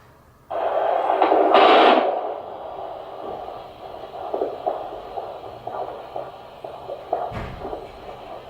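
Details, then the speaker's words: Fetal heartbeat at 36 weeks of pregnancy, heard by a midwife with a Doppler: a fast, whooshing, strong rhythmic pulse of about 130/min. There are bumps as the baby boy kicks; his back lies on the mother's left side. "when she put the Doppler on he kept kicking her which she kept laughing at but yeah I will win her a clip of listening to his heartbeat here"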